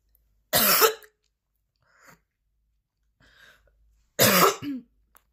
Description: A 10-minute video featuring an extremely intense and persistent coughing fit. The coughing continues throughout the session, with repeated and powerful coughing episodes from start to finish.